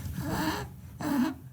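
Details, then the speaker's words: Baby with RSV struggling to breathe: two harsh, noisy, effortful breaths in quick succession with a low grunting tone; infant respiratory distress. "RSV is the most common cause of bronchiolitis which is the inflammation of the small Airways in the lung and pneumonia which sounds like this"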